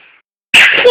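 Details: A single sharp, hissing sneeze-like burst after a brief quiet pause; deliberately faked sneeze.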